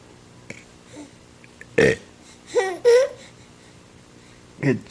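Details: Baby boy laughing at a burp: a short belch followed by bright infant laughing bursts in a quiet room; burping.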